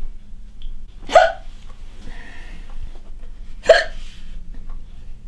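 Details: Woman with a chronic hiccup condition hiccuping during housework: two loud, abrupt voiced hiccups about two and a half seconds apart, with faint room noise between; hiccups.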